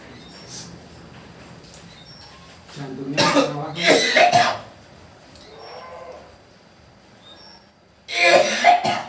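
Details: Patient from Magelang on a second visit for alternative nerve-pressure treatment, with a phlegmy cough: a few harsh, wet coughs in two bursts with quiet room noise between, a productive cough.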